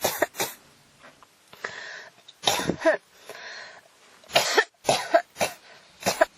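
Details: Persistent coughing fit: repeated harsh coughs in bursts of two or three, with breathy throat noise between them.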